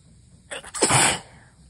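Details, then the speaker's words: One of a run of strong sneezes: a quick catch of breath, then a single forceful explosive sneeze in a quiet room; sneeze. "How did I have so much warning and this still come out of nowhere?"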